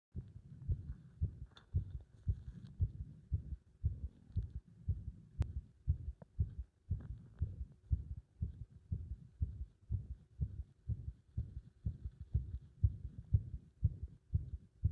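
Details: Heartbeat with an arrhythmia that feels like the heart stops, with a sensation of chest pressure: low thumps at an uneven rhythm with occasional gaps. Irregular heartbeat with pauses.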